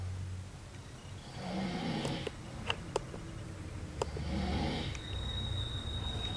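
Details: Man snoring while insisting he is not asleep: two rough, low, fluttering snores on in-breaths, roughly every three seconds, with faint room noise and clicks; snoring.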